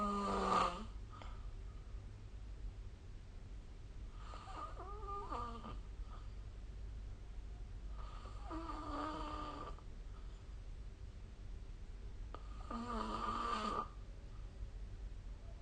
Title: 🐽 Snoring Sleep Sound